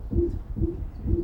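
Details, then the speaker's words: Patient's heart recording with a musical, squeaky murmur, classified as a squeaky murmur, generally indicating a defect of the mitral valve. "yeah it's not a squeaky toy inside the patient I promise it's not it's just we classify it as a squeaky murmur it's amazing isn't it"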